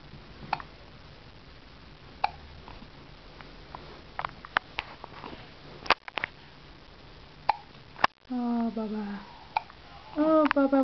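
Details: Repeated brief sharp catches at irregular intervals of a few seconds, followed by vocal sounds, in a child after guzzling food fast; hiccups.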